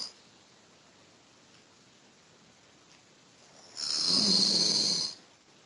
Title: Snoring lel :D